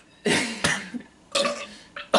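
A few short, rough throaty bursts in quick succession, a quiet room behind them; belching.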